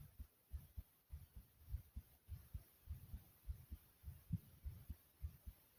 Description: my heart was beating like a racing horse here i hope you all like it.